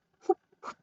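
An adult imitates the whoop of whooping cough: two brief, tonal, moaning breath sounds in a quiet room.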